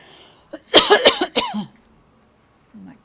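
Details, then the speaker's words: Brief adult coughing fit blamed on a tickle in the throat: about four sharp, dry coughs in a quiet room. "Excuse me. [cough] [cough] Sorry, I just got a tickle in my throat."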